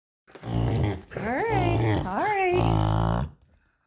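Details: Bulldog's reverse sneeze: loud, harsh snorting honks drawn in through the nose in three long pulls; owner likens it to forgetting to breathe and coaxes breathing through the mouth.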